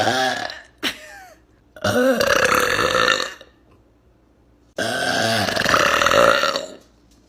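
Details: Compilation of loud, long, voiced belches with croaky rumbling, separated by short silences; repeated burping.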